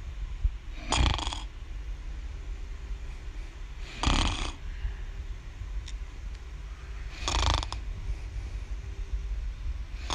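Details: Young girl snoring in sleep, said to snore every night: three rough, rattling snores about three seconds apart, roughly 19 a minute, with quiet breathing between; ordinary snoring.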